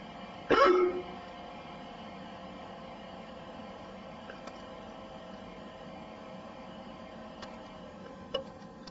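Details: Single abrupt, sharp hiccup from a male over steady room hum, with a fainter click near the end.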